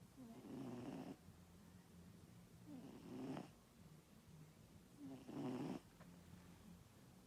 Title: is snoring, had a busy day with pictures